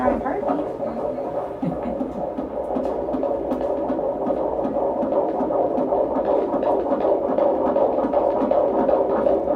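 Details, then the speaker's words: Fetal heartbeat on Doppler at a prenatal appointment, covertly recorded on a phone in a purse; fast, steady whooshing pulses in the 150s per minute, strong, within the stated normal 110–160. "So baby's heartbeat today is right in the 150s. Okay. So normal is 110 to 160. Okay, so right. Isn't it so cute and perfect? I mean, that heartbeat is strong and awesome."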